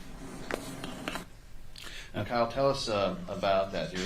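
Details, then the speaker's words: Deep cough: a few short, harsh cough bursts followed by drawn-out crying and moaning, coughing, crying and moaning all at once. "this is the the cough correct all right go ahead we're going to hear the cough"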